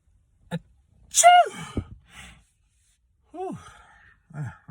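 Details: One loud, sharp sneeze preceded by a rising gasp, followed by further smaller sneezes and vocal sounds; repeated sneezing.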